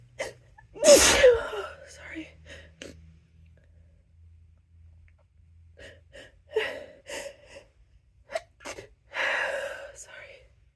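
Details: A loud sneeze with a sharp gasp, then quiet sniffs, short breathy sounds and another sneeze-like burst in a quiet room, during a prolonged sneezing fit with the person apologizing between sneezes.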